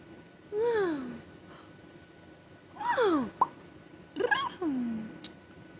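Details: Parent's tic attack after a stressful day of phone calls, while on antibiotics, steroids and Tylenol for a bad ear infection and off Benadryl: three bursts of sliding squeaks, whoops, yelps and sharp clicks between quiet spells, vocal tics.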